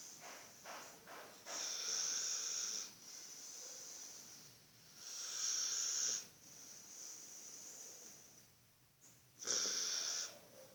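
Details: Hissing, whistly snoring breaths during sleep, about every four seconds (roughly 15 a minute), with quieter breathing between: snoring.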